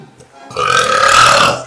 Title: burping contest